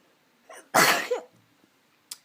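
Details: A person who says they look quite ill takes a brief in-breath, then gives one loud, explosive sneeze that trails off. A single sneeze.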